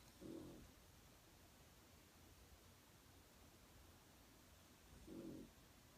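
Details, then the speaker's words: Dog snoring while asleep in the background: two soft, low rumbling snores about five seconds apart against quiet room hiss. "Can you hear the dog snoring in the background?"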